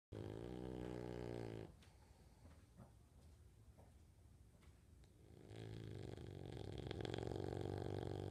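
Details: Bulldog snoring while awake: deep, rumbling, fluttering snoring breaths with a quieter pause between them.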